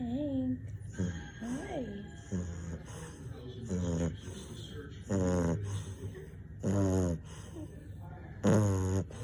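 Loud, rough, rattling snores with a tonal, honking quality, roughly seven in nine seconds: snoring from a small flat-faced dog.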